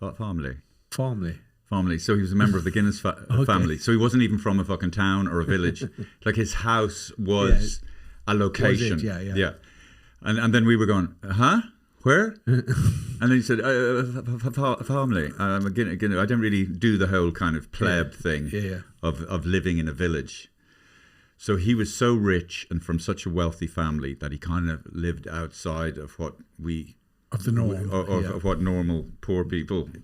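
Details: Adult man speaking; normal conversational speech.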